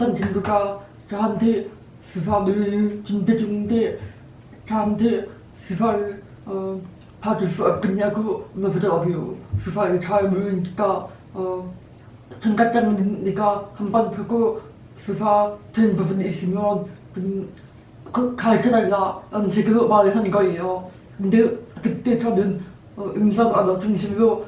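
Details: Deaf Korean woman speaking while simultaneously signing; grew up mainly using oral conversation and learned sign language in her late teens; strangers often ask if she is a foreigner; deaf speech.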